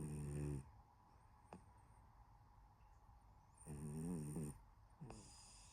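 Soft buzzing snores on breaths in, separated by quiet pauses; gentle snoring in a sleeping cat.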